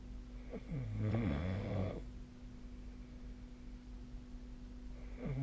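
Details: Sleep snoring recorded with a snoring app: a single loud, low, rattling snore, followed by quiet breathing and the start of another.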